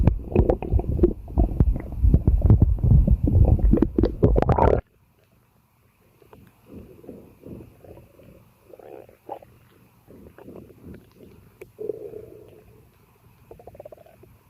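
Loud rumbling at first, then softer intermittent gurgles and bubbling; active bowel sounds of a bloated, digesting stomach.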